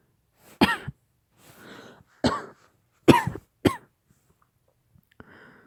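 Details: Acted cough in a Korean ASMR role-play of a girlfriend with lingering COVID aftereffects: four sharp, forceful coughs with audible breaths drawn in between.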